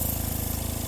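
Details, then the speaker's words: Steady, low rattling motor hum with fast regular pulsing from a portable suction machine running; the machine has a knob with low and high settings. "There's a knob on the end of this machine that when it's running, it has a low and high setting."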